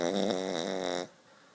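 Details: Dog asleep on a couch snoring: a single drawn-out, wavering snore lasting about a second, then quiet.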